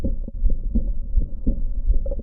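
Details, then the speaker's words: Imitated heart murmur made at home by placing the stethoscope diaphragm in the palm and moving a finger over it: low, muffled rhythmic whooshing thumps; different finger movements give different murmurs. "تقوم جايب ادفرام تحطه في كف ايدك كل حركه هتعملها بصبعك هتسمع ميرمر مختلف"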